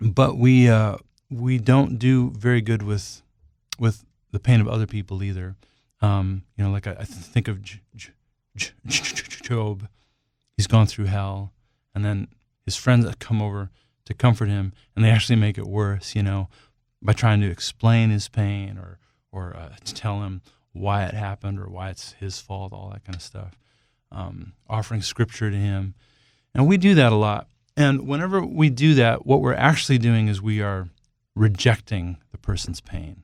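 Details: Adult male singer who stutters, says he has become more fluent with age, and has a cold during this interview; stuttering.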